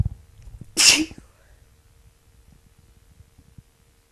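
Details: Person sick again with a cold, chest wet with spray: one sharp, forceful sneeze with a hissing burst of air, then quiet breathing; rough cold sneeze.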